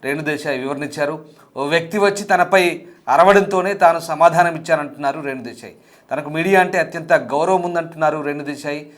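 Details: Adult news narrator; normal voice.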